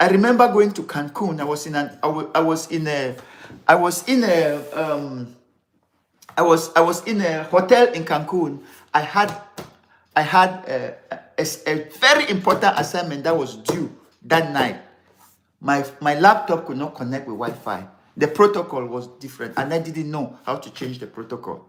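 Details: Adult man, severe stammerer since childhood, later diagnosed with attention deficit disorder (ADD), which he blames for word substitutions; still has difficulty pulling out words in this unedited live speech; stammering.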